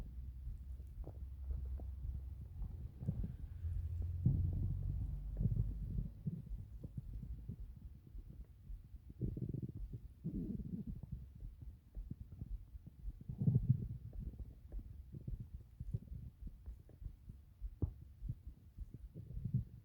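Soft, low rumbling and gurgling with faint pops, ordinary stomach growling.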